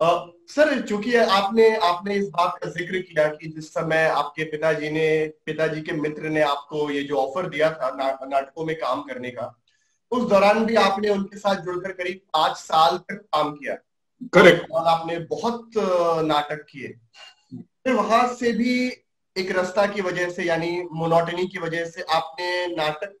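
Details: Adult male speaker; ordinary speech.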